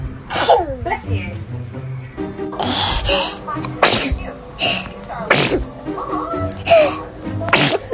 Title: Baby sneezes mean it’s sending you blessings #baby #foryou #funny #funnyvideo #cute #babyvideos